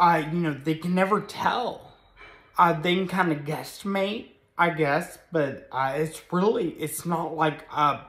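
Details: Ataxic dysarthria in an adult man with moderate Friedreich's ataxia, a progressive spinocerebellar degeneration diagnosed at 16; speech varies with good and bad days; also has a brain injury from being hit by a vehicle.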